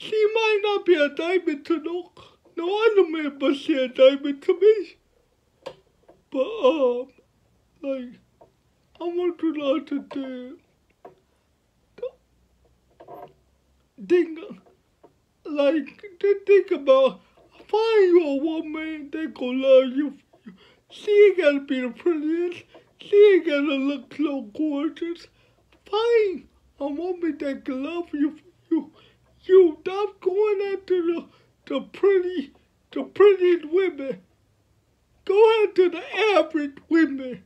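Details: 29-year-old man with cerebral palsy since birth, born prematurely at five months, speaking about his life; finding: dysarthric speech in cerebral palsy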